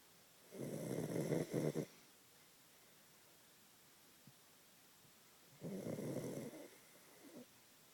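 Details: Two rough, fluttering snores about five seconds apart in a quiet room. Snoring.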